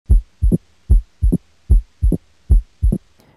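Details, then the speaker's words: Steady lub-dub heart sounds at about 75 a minute via stethoscope diaphragm over the valve areas of an adult male in a cardiology skills demonstration, with no murmur, opening snap, click or rub; normal S1 and S2. "dengan menggunakan stetoskop dengarkan regularitas bu jatuh 1 dan 2 serta apakah ditemukan bising atau bunyi tambahan seperti opening snap"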